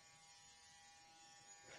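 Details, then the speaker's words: Oscillating cast saw used to remove a wrist cast after wrist fracture: steady high electric buzz, quiet in level; it vibrates rather than spins. "one oscillating motion not rotation the cast saw doesn't spin like a regular saw instead it vibrates or oscillates"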